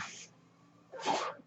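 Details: Two soft, breathy hissing puffs of air about a second apart, with quiet between: rhythmic airflow from the speaker's own mechanical ventilator during his podcast.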